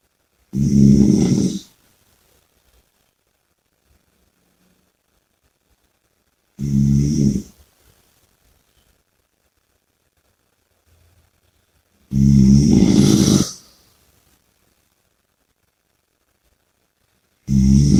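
Loud, low rattling snores roughly every five to six seconds, separated by quiet pauses. Typical snoring.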